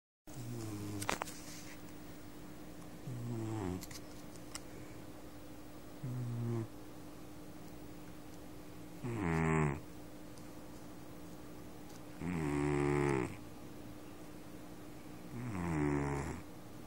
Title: my cat snores like a man